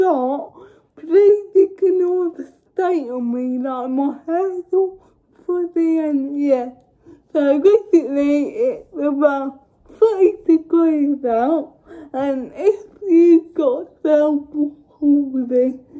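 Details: Dysarthria in a woman with cerebral palsy, speaking English.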